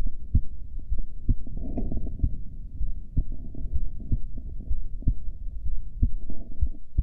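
Regular low heartbeat thumps at about 63 beats a minute, recorded during a breath hold, with a faint hum behind.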